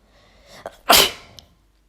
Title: Juicy chhinkni sneezing attack (F)